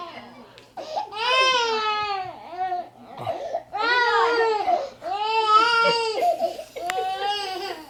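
Repeated loud, high wailing cry bursts with brief catch-breaths between them: an infant crying.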